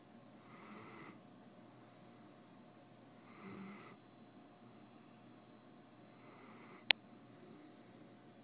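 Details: Snoring in a dog napping on a couch: soft, regular snoring breaths about every three seconds, roughly 20 a minute, in a quiet room with one brief click.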